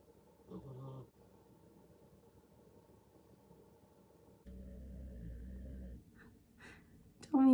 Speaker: can't hear that because he is snoring so loud